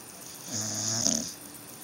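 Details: Sleepy dog snoring: a single snoring breath with a low rumbling buzz and a hissy, whistling edge, heard in a quiet room.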